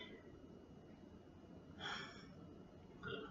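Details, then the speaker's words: Respiratory assessment of a female never-smoker: stethoscope at the right back at the level of the last rib (right lower lobe) during deep breathing; soft, quiet breaths with a low background hum, no wheezing or rhonchi, lungs clear. "no so there's no wrong cop there's nowhere else there's no wheezing all fields are clear and mr. Robinson is in her lungs are so good and healthy like I said she's never smoked"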